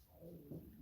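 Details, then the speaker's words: Sudden low, gurgling stomach rumble with a brief louder swell while baking; ordinary stomach growling (borborygmi). "Did you hear my stomach rumble? How embarrassing. That was so loud."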